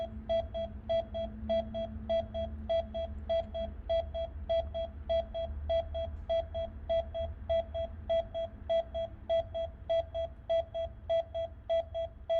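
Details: AED (automatic external defibrillator) demonstration after a delivered shock: steady, regular beeps at about 100 a minute from the device pace chest compressions, 30 at a time, during CPR.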